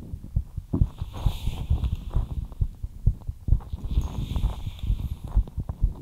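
Rapid, regular low heartbeat thumps at about 130 a minute, with faint breathy hiss; a fast but normal heartbeat after light exercise.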